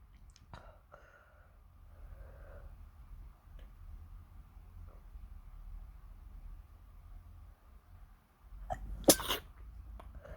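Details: A single loud explosive ordinary sneeze near the end, after quiet room noise.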